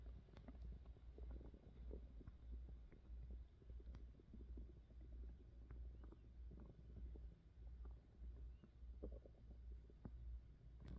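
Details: Stomach growling from hunger: continuous low rumbling and gurgling from the belly, recorded close-up as stomach noise ASMR; ordinary borborygmi.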